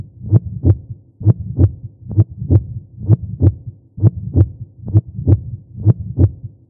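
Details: Regular two-part lub-dub heartbeat at about 65 beats a minute; a processed studio sound effect, not a clinical recording.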